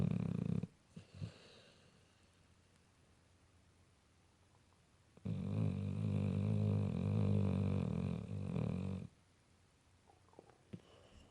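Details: Pit bull with unusually loud natural, unenhanced snoring: loud, long buzzing snores lasting several seconds, separated by quiet pauses, in a small room, heavy snoring during sleep.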